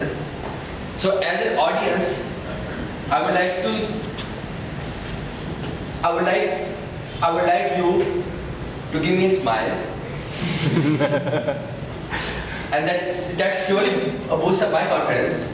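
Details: Stammering in a speaker who identifies as a person who stammers, giving a speech.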